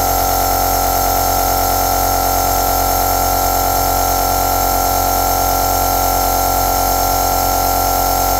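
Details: Nebulizer (aerosol) compressor running: steady, unbroken mechanical hum and hiss with a fine rapid buzz throughout.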